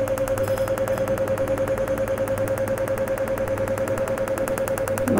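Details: Fast, even clicking pulses, about 200 a minute, over a steady tone: a Cutera Enlighten picosecond laser (PicoGenesis, 1064 nm, 8 mm spot) passed over the skin during a full-face rejuvenation treatment.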